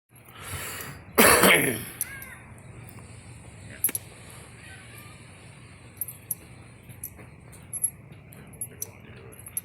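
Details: A single loud, harsh cough burst from an adult, followed by quiet room noise and small clicks.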